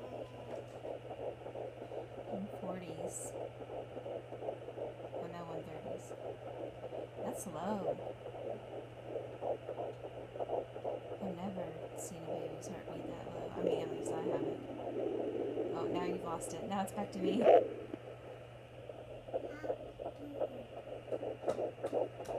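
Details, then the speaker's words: Fetal heartbeat heard on a home Doppler for the first time during pregnancy: fast, rhythmic whooshing pulses, clearly faster than the mother's heartbeat. "that's definitely not my heartbeat oh I know it's way too fast way too fast"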